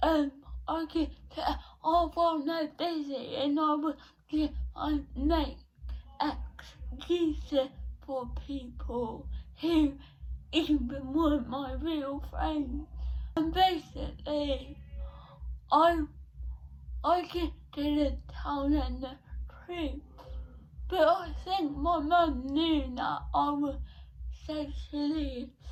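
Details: 17-year-old female with cerebral palsy since birth, diagnosed at 14 months, affecting her speech, speech therapy from an early age; dysarthria (cerebral palsy).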